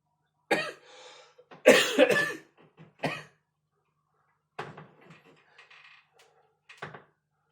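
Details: Several harsh cough bursts in two clusters in a quiet small room; an ordinary cough.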